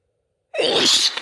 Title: Big sneezes and blows